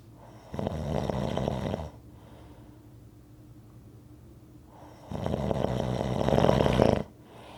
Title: Rhythmic snoring audio